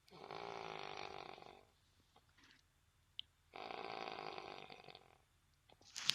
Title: Best Snoring in Noon